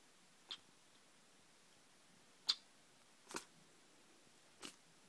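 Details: A new kitten with the sniffles sneezing: four brief, sharp, hissy small sneezes in a quiet room.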